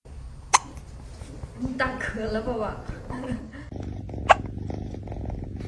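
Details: Tiny cat, which ate its food too fast, with hiccups: two sharp, brief hiccup-like jolts several seconds apart, with soft vocal sounds between.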